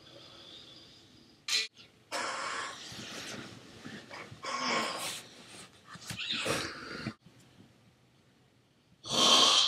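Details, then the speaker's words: Man already snoring after a minute: irregular noisy, snorting breaths with rough fluttering sounds; snoring. "It just took him 1 minute and he's already sawing logs."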